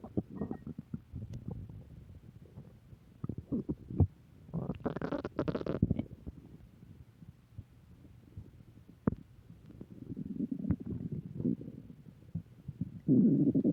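Irregular low gurgles and rumbling bursts from the abdomen: stomach growling, ordinary bowel sounds.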